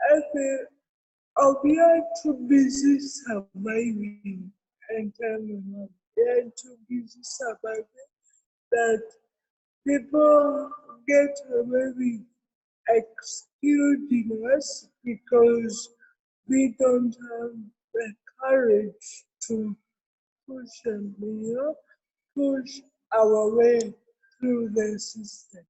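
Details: Adult woman with cerebral palsy, with dysarthria.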